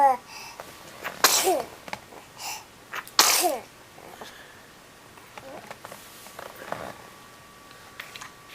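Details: Two sharp, explosive sneezes about two seconds apart, each preceded by a quick in-breath, then quiet room sounds; sneezing.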